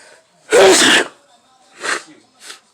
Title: Living Room Sneeze Part 3